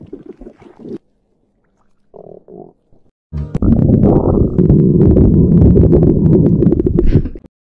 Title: Stomach gurgling sound effect